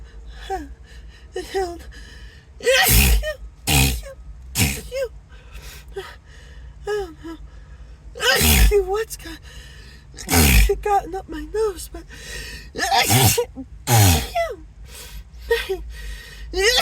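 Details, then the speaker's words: Acted sneezing fit, sneezer apologizing, saying nose tickles and wondering if allergic: about six loud sneezes with sharp breaths in and sniffles between, background music. "oh my gosh oh my whole nose is just oh tingling and buzzing and"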